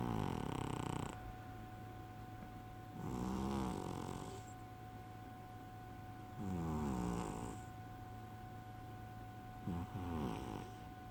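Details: Overweight sleeping cat snoring loudly: buzzing snores roughly every three seconds over a steady background hum.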